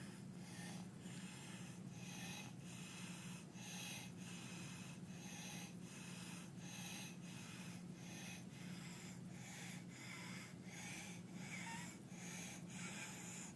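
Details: Croup: barking cough and rapid, harsh, rasping breaths repeating steadily, an inspiratory stridor from a narrowed upper airway.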